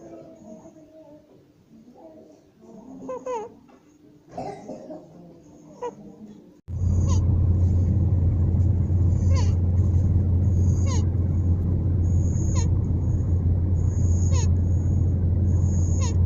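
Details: 27-day-old baby with laryngomalacia, seen by ENT with nasofibroscopy: squeaky, honking inspiratory stridor on breathing in.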